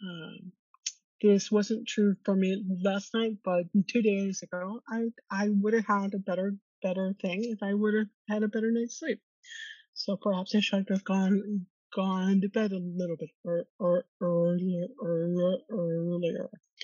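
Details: Woman who stutters, co-hosting a webinar on stress and anxiety at work for people who stutter, with audible repetitions of words and phrases; stuttering.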